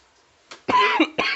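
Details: Adult man in a coughing fit lasting several minutes, with harsh, forceful cough bursts in quick succession; cough.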